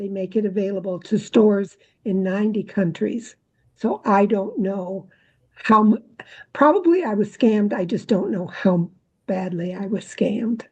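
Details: Adult woman speaking; ordinary speech.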